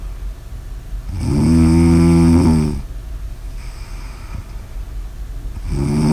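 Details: A loud, buzzing, vibrating snore lasting over a second, then a quieter breath out and the start of another snore; snoring.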